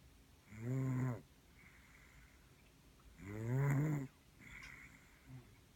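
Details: Snoring with rough, rattling in-breaths and softer out-breaths, roughly 20 breaths a minute.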